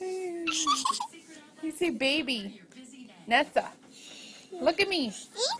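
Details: Adult parent speaking to a young child; typical adult speech.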